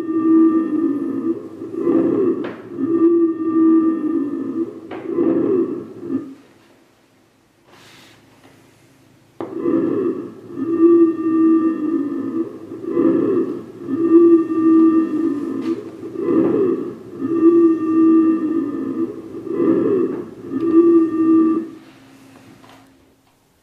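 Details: Simulated normal breath sounds from a nursing skills training manikin, heard via stethoscope using its auscultation features.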